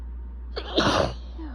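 A quick catching breath, then one forceful, wet sneeze from an adult, over a steady low hum.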